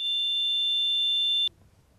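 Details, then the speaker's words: Simulated tonal tinnitus, the continuous sound in the ear of people with damaged hearing: a steady high-pitched pure tone for about 1.5 seconds, then near silence. "Non mais imaginez que vous vouliez vous endormir avec un son continu dans l'oreille. Ce son s'appelle l'acouphène. Il peut faire pssst ou vrrr ou..."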